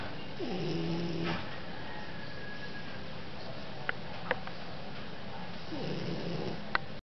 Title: Snoring - Chinese Shar Pei